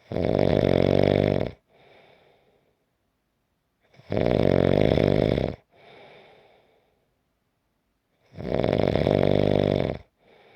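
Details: Loud, rough snores on each in-breath, about every four seconds (roughly 14 a minute), each followed by a soft breath out; ordinary snoring during sleep.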